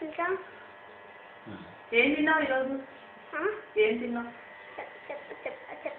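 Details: Adult speaker; no speech disorder.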